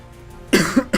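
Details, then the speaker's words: An adult, apologizing for coughing while commentating on a game, gives a quick run of two or three short, harsh coughs after a quiet moment; an ordinary cough. "Sorry if you can hear me coughing, by the way."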